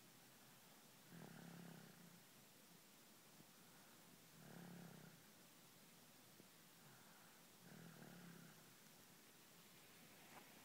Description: Turn up your speakers to hear this little purr of a snore.